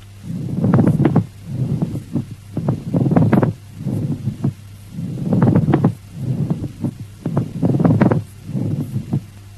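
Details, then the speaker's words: Teaching recording of added breath sounds: a loud, superficial, creaking rub like new leather, heard in both inspiration and expiration and sounding very close; pleural friction rub. "Listen to the pleural rub, which has a rubbing or creaking quality like the creaking sound of new leather and is of loud intensity and superficial nature, sounding very close to the"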